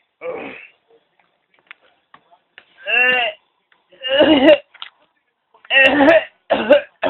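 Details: Imitated cough: a father fake-coughs and fake-chokes to make his baby daughter laugh, after starting to choke for real.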